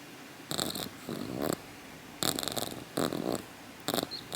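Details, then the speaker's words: Bursts of wet, rattling nasal snuffles and snorts from a rescue rabbit over 6 years old with nasal and sinus congestion. She is held upside down, three weeks into twice-daily antibiotic shots. "It's good to get your rabbit used to being held upside down. It's a good way to carry your rabbit because they can't kick and break their backs. I see there now. She's making the noise now."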